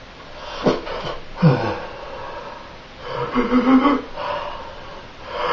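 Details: Staged skit with noisy nasal snorts and rough, wheezy breathing sounds, irregular in timing, over room noise; snorting.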